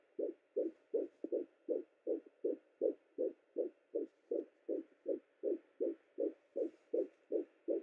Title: Fetal heartbeat 10 weeks 5 days pregnant on Sonoline B doppler